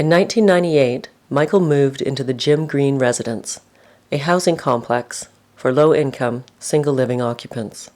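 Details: Adult narrator; normal speech.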